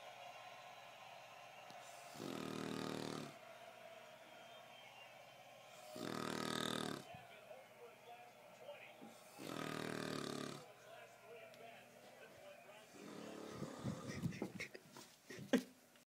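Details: Someone described as an extremely loud snorer: three loud, rough snores, each about a second long, spaced a few seconds apart over steady background hum; ordinary snoring.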